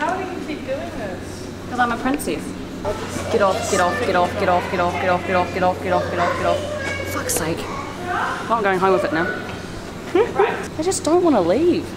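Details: Person with Tourette syndrome in a public setting, with repetitive phrase outbursts; vocal tics (Tourette syndrome).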